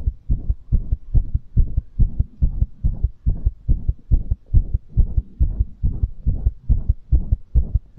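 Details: Rapid, regular, strong heartbeat at about 140 beats a minute with clear paired thumps, recorded as ASMR after exercise; exercise-induced tachycardia, a normal response to exertion.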